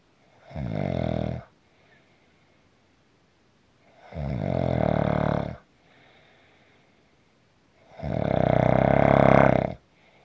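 Three deep, vibrating snores about every four seconds, roughly 15 breaths a minute, with near silence between them. Steady snoring.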